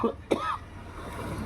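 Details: Cough.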